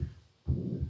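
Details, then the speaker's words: Stethoscope heart sounds demonstration: low heart sounds with a sustained rushing noise filling the space between beats, a heart murmur; a mitral origin was asked about, and its timing (systole or diastole) was left unresolved. "Voilà. Ça, c'est un souffle. Attends, bruit de souffle."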